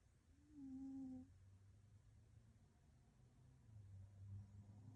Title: Cole, my cat snoring